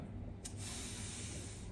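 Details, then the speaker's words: Brief spray burst then sustained hiss over room hum: professor topicalising his own airway with local anaesthetic spray against the posterior pharyngeal wall, before self-intubation demonstration at conference. "when you feel yourself in contact with a posterior Dan fering then you can spray a bit"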